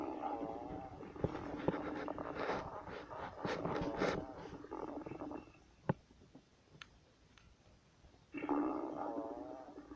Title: Lola's stomach growling